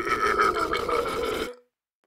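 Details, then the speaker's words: Voluntary "wobble" burp trick by a burping champion, fingers pressed on the throat while pushing and releasing a big burp repeatedly: one long, loud, voiced burp with wobbling pitch. "put your fingers like this on your throat prepare a big burp and you have to push and Let It Go a few times just like"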